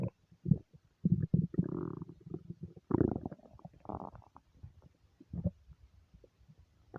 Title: nonstop stomach rumbles